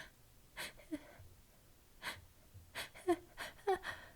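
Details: Several sharp, catching inward breaths with small voiced catches in a quiet room at night, from a woman building up to a sneeze; gasping before sneezing.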